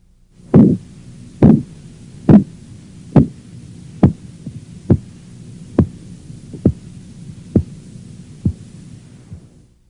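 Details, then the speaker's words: Regular tapping beats about 70 a minute, loud at first and fading as the cuff deflates: Korotkoff sounds for practice identifying systolic and diastolic pressures; earlier reading 136/80. "now for practice listen for the systolic and diastolic"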